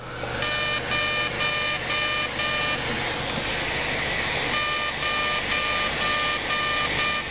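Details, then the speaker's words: CO2 laser facial resurfacing during a simultaneous facelift: rapid bursts of repeating electronic beeps over a steady machine hum. Settings change from an aggressive pass at 80 millijoules, density 6, to a second pass at 70 millijoules, density 5. "now we're going to change our settings and come back one aggressive paths at eighty millijoules and a density of six now we're going to do a second pass at 70 and five"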